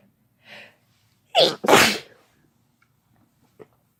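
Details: Sneezing, no talking, from a female and male recording: a short breath in, then one sharp two-part ordinary sneeze, followed by quiet.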